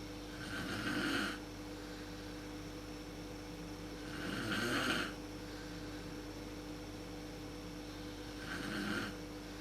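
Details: Mother snoring in the dark, worst at sleep onset, recorded with a PowerShot SX130 IS camera: three rough, rattling inspiratory snores, about 16 a minute, with quiet gaps.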